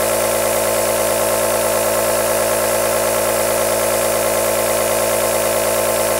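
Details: Continuous aerosol nebulizer running sound, played as a long white-noise track for sleep or soothing a baby.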